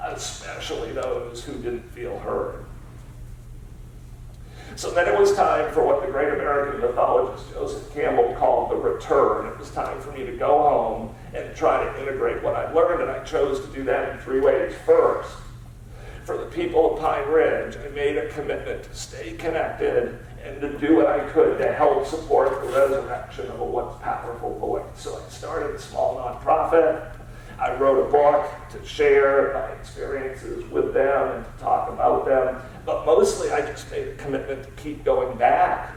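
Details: Adult man with spasmodic dysphonia, a rare neurological disorder affecting only speech, of unknown cause, treated with periodic Botox injections, speaking in a real keynote talk; spasmodic dysphonia.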